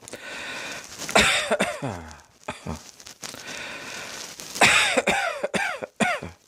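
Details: Cough.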